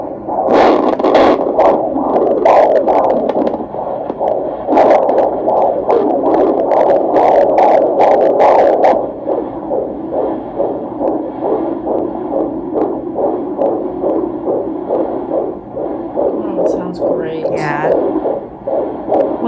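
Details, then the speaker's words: Fetal heartbeat on Doppler at a 30-week prenatal appointment, third pregnancy: rapid, regular whooshing beats at about 135 per minute, heart rate in the 130s, normal. "130s, okay. Great. I love that sound."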